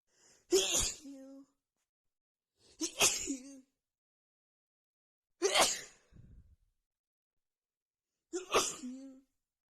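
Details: Repeated sneezing after feeling sneezy all day with a tickling nose: four forceful sneezes in quick succession, each a sharp burst with short voiced tail; part of a long sneezing fit.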